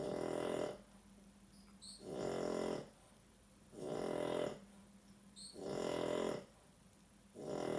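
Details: Loud, regular rattling snores, about four in eight seconds, each under a second with quiet gaps between: a dog snoring.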